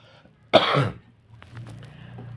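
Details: A single loud, harsh cough from an adult man, followed by faint room noise.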